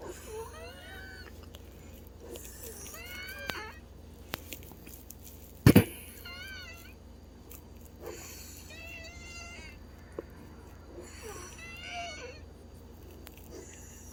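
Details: Loud, high-pitched, wavering musical tones recurring with each breath from a woman's lungs; wheezing from narrowed airways.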